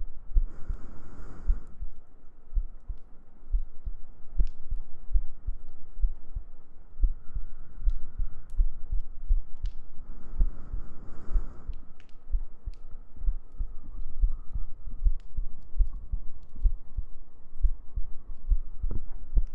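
Steady soft low thumps of a heartbeat under a gentle hum.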